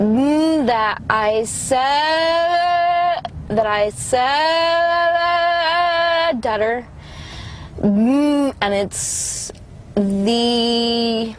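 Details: Adult woman with congenital cerebral palsy affecting motor functions, with right-sided weakness and pain, producing a severe stutter as a result; stuttering.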